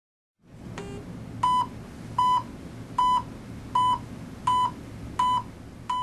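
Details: Steady regular electronic beeps, about 80 a minute, from a pulse oximeter with its finger sensor fitted after it detected the pulse and computed saturation and heart rate; faint room noise underneath.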